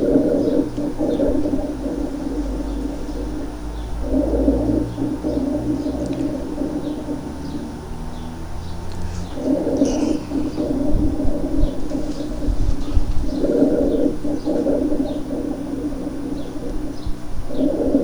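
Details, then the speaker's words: Cavernous rales (gurgling, large-bubble rales) on chest auscultation: low, coarse, resonant bubbling in bursts with each breath, like blowing through a thin straw into water; such patients may have a history of tuberculosis. "es más o menos ese ruido el ruido que se genera cuando soplamos con una pajilla delgada dentro de un vaso de agua vamos a escuchar estos sectores cavernosos o gorgoteo o de grandes burbujas"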